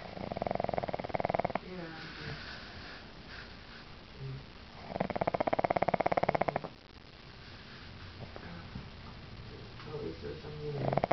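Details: A sleeping pug snoring: loud, rattling snores about every five seconds, with quieter breathing between.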